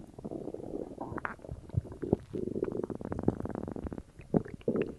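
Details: Gurgling, bubbling rumbles with irregular pops and squeaks from the abdomen after drinking cola; active bowel sounds, ordinary stomach growling (borborygmi).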